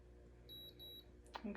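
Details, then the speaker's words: Oral thermometer with cover slip under the tongue of a 21-year-old female in a student nurse head-to-toe assessment demonstration: faint short high beeps signal the reading is done, 96.3, no fever. "it's reading 96.3 which is great do not have a fever"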